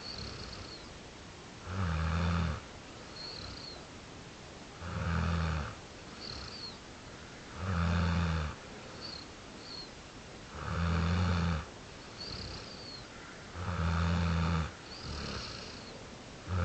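Regular deep rumbling snores about 20 a minute, each on the in-breath, with quieter breathing between; steady snoring.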